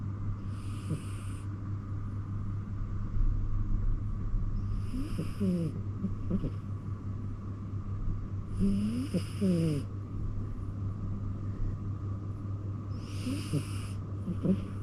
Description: Yes we do let our cats sleep in the bedroom with us, but sometimes they snore too loud.